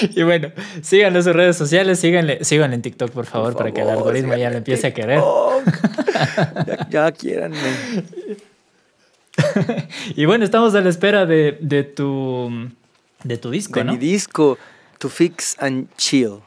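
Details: Adult man; typical speech.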